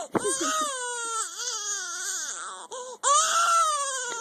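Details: Baby with hiccups crying: loud, sustained wailing cry with rising and falling pitch and a brief catch between bursts.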